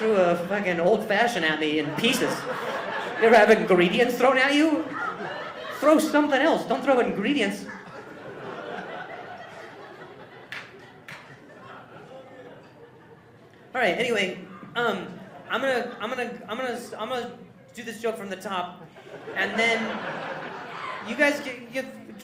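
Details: Adult male comedian who stutters, performing live crowd work on stage; he says people talking close to him while he speaks makes him stutter. Real stuttering.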